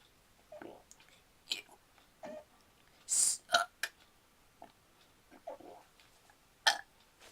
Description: Hey youtube this is my burping video the 6th or 7th i caint remember so yh thanks for watching and enjoy :D